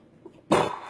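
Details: Adult with Tourette's syndrome, over 40 years old: a single abrupt cough-like throat noise bursting out of near silence; a simple vocal tic.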